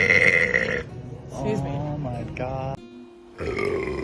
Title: •TIKTOK• Girls burping complication!